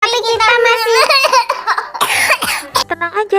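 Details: Child, apparently unwell, with whiny, strained voice followed by a few short, harsh cough bursts.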